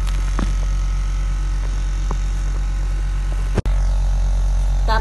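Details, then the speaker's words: Suction machine switched on after suctioning saliva or phlegm from a patient, then run with water to clean it: steady low motor drone with faint clicks and a brief break. "So, i-on nyo lang to guys. Yan, i-on. Yan, naka-on na siya guys."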